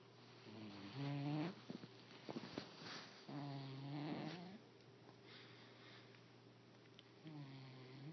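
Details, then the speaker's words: Sleeping male cat snoring: rhythmic, buzzy, pitched breathing sounds repeating every few seconds. "Tequila. You're snoring. Okay, go back to sleep."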